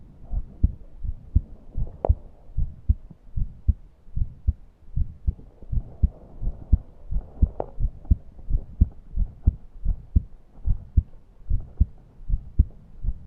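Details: Person short of breath, unable to breathe deeply: regular low heartbeat thumps, about 100 a minute, with faint higher whistling breath noise mixed in; heart sounds with wheezing.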